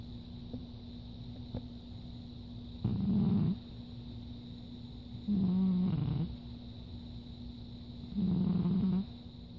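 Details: Adopted dog snoring loudly in sleep: three loud, rattling snores about three seconds apart over a steady background hum.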